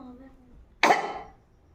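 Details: Woman during a sneezing-challenge attempt: one abrupt, short dry cough after a few quiet seconds in a room.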